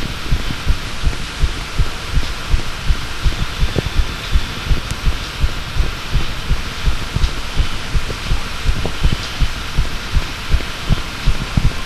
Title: Second heartbeat recording